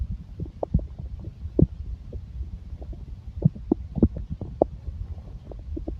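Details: Irregular low gurgles, pops and rumbles in quick bursts from gas and fluid moving through the gut; stomach growling (borborygmi).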